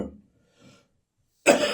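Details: An adult with bronchitis on Christmas morning gives a single forceful, harsh cough after a brief pause. Bronchitis cough.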